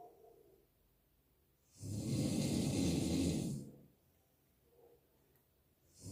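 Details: A single long, harsh, rattling snore of about two seconds, then quiet breathing; snoring attributed to a person who drinks alcohol heavily.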